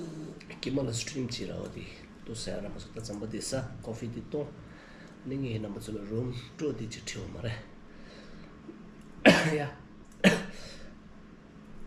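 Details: Vlogger sick for a week with a cough, recorded indoors during a room tour: talking and humming, then two sharp, isolated cough bursts near the end; ongoing cough during illness.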